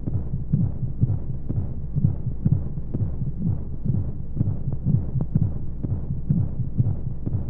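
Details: Womb-sound baby sleep aid with white noise: muffled, rhythmic low thumps at about 125 a minute under a steady hiss, like a heartbeat heard from inside the womb.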